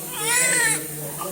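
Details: Newborn: a single strong, high-pitched wavering cry under a second over a steady low hum; ordinary newborn cry.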